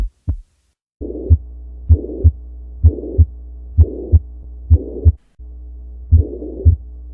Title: Heart sounds